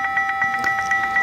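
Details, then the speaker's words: Rapid, steady electronic beeping, about eight beeps a second, from a paddle defibrillator set to 150 joules for a first shock, signalling that charging is complete and it is ready to deliver the shock; a charge-complete alarm. "press charge button to make it charged apply electroconductive jelly over apex and right clavicle when charging completed it starts alarming as follows"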